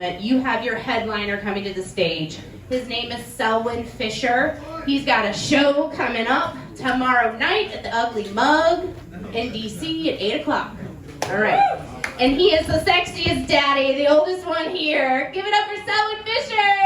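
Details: Adult woman, host speaking into microphone; typical speech.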